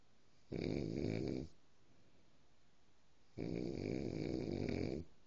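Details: A sleeping dog snoring: two long, rough, buzzing snores on inspiration, separated by a quiet breath out.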